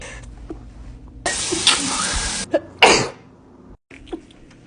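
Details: A sharp, explosive sneeze burst followed by a second forceful expulsion, with faint room noise around it; sneezing.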